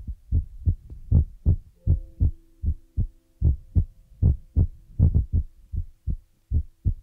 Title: AMSR feather rod brush scratch heart beat trigger water sound ear massage relax by chinese cute girl